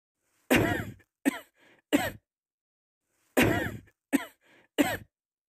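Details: Cough sound effect: two bouts of three short, harsh adult coughs, each bout starting with a loud burst and with faint breaths between coughs.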